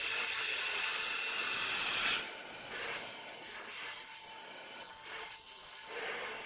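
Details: Steady high-pitched hiss of a high-speed dental handpiece, cutting without water while an assistant uses air spray, varying slightly as the bur moves during classic veneer preparation on a phantom tooth.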